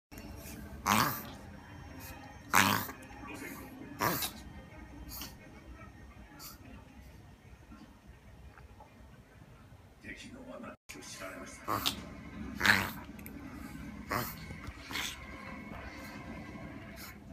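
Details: Smooth-coat Chihuahua having a reverse sneeze, described as a strange cough: repeated sharp snorting, honking bursts in spells, with faint music in the background; reverse sneezing.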